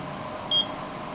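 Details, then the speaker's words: CEM DT-806 infrared body thermometer, measure button pressed in a demonstration with the back of the hand standing in for the forehead: single short high beep over quiet room noise signalling a completed reading. "ผมก็จะหยิบเครื่องdt806ขึ้นมานะครับแล้วก็ทำการวัดนะครับยการกดปุ่มMeet"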